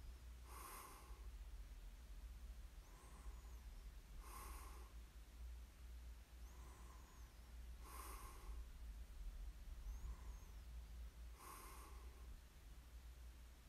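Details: Snoring during sleep: regular snorting snores about every three and a half seconds, roughly 17 a minute, over a low steady hum.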